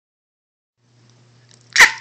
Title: Fake sneeze